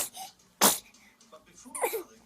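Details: A single sharp, explosive sneeze from an infant just under 4 months old, followed by quiet voices; sneeze.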